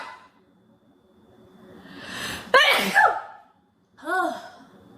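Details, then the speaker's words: Acted sneeze presented as part of a fit blamed on allergies; rising in-breath, loud explosive voiced sneeze, then a short vocal sound. "I just have the worst allergies it always makes me sneeze so much so sorry if I'm tearing up a little these just are just such big powerful sneezes it's a hard to contain"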